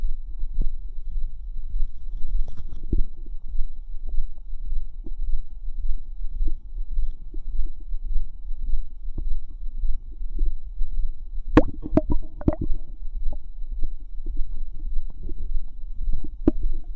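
Steady low fizzing and bubbling with a louder cluster of gurgling pops midway; ordinary active bowel sounds.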